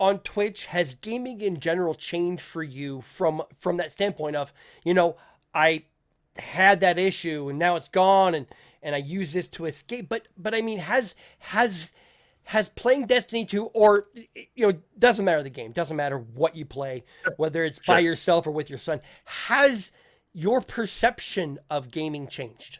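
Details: Stuttering (self-reported) in an adult male podcast host who says listeners often ask him to repeat himself; speech has word and phrase repetitions.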